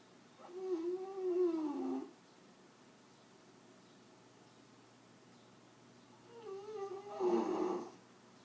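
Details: Two loud, drawn-out, rattling snores with a buzzing, vibrating tone, separated by quiet breathing, from a sleeping female; snoring.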